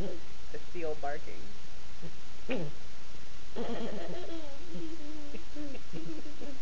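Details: Young boy with croup making hoarse, hooting, bark-like vocal sounds and a barking cough while giggling.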